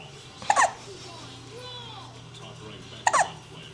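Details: Two abrupt voiced hiccups about two and a half seconds apart over faint background noise and music; hiccups.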